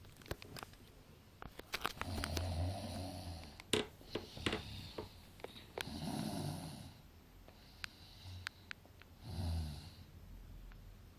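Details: Snoring example among types of snoring: three rough, low rattling breaths roughly every four seconds, with scattered clicks and room noise between them.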